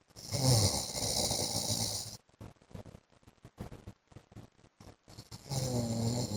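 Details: Adult man (husband) snoring during sleep: loud, harsh snoring breaths split by a stretch of quiet, broken breathing noises; ordinary snoring.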